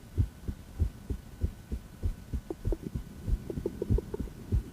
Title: Female heart, auscultation, heart-tour